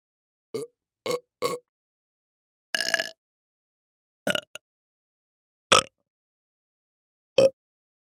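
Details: Human burp sound effect: a series of short, throaty burps and one longer belch separated by silence; burping.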